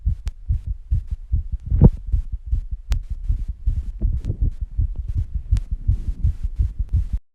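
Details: Rapid heartbeat after rebreathing and squats: fast, regular paired heart thumps at roughly 150 a minute, with heavy breathing noise after exertion.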